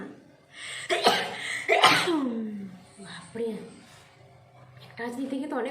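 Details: Nose blowing and sneezing challenge: two sharp, explosive sneezes in quick succession, followed by breathy voiced sounds; ordinary sneezing.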